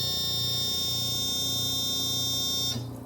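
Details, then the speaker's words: Home oxygen concentrator just switched on: steady high-pitched electronic start-up tone that cuts off after about three seconds, showing the machine is on and working; the alarm should stop within 15–30 seconds. "that beeping sound should turn off with in the first 15 to 30 seconds all right that's letting you know that the machine is on and working"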